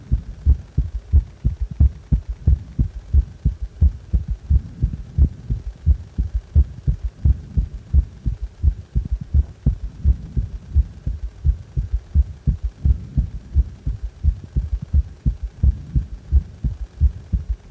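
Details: Heart sounds with strong third sound: regular low beats with an extra soft thud just after the second sound, galloping rhythm; prominent third heart sound (S3).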